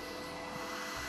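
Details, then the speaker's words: Home mechanical ventilator of a patient with ALS on artificial ventilation through a tracheal opening for 20 years: steady mechanical hiss and hum with faint tonal whine, continuous without pause, running in the background. "Siz de bu programın sürdüğü 20 dakika boyunca solunum cihazının sesini duyacaksınız fonda. Çünkü o 20 yıldır işte duyduğunuz bu sesle yaşıyor."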